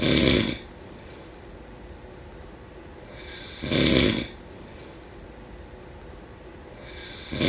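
Loud rattling snores on each breath in, about one every 3.5 seconds, with quiet breathing between: snoring.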